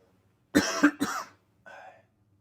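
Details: Adult male speaker on a live broadcast, who says his throat is already bothering him, coughs: two or three harsh, quick coughs in a burst, then a brief throat sound.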